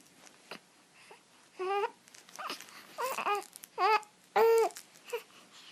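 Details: Short, broken cries and whimpers in uneven bursts with quiet gaps from an 11-week-old baby boy who has hiccups and gas; infant fussing.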